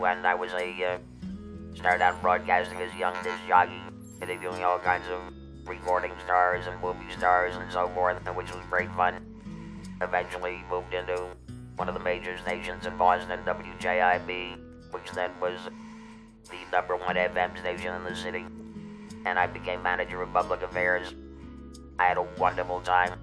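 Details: Electrolaryngeal speech from a former broadcaster who had a laryngectomy for larynx cancer and has used an electrolarynx for about 14 years.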